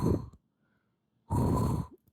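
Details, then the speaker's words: Mouth imitation of normal vesicular breath sounds as heard by stethoscope in children: soft, even breathy in-and-out sounds with no added noises. "Cómo suena la respiración normal en los niños cuando le pones el estetoscopio yo lo escucho"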